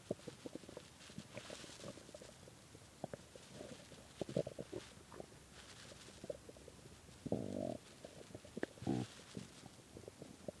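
Irregular gurgling rumbles and squeaky growls from the belly, with a few longer bursts; hunger-related stomach growling, an ordinary bowel sound.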